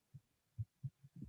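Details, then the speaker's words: Recorded fetal heartbeat played back at low level: soft, rapid low thumps; fetal heartbeat. "i would say i can still hear the sound of the heartbeat"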